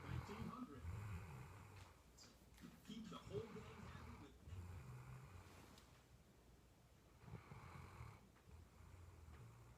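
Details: Soft, low, rumbling snores with each breath in a quiet room from a sleepy female dog after a long day; the snore is said to get louder later; ordinary snoring.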